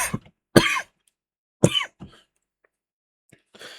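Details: An adult who is a little sick with a sniffle gives several harsh, explosive coughs in quick clusters after taking a hit of marijuana smoke; irritant cough after inhaling smoke.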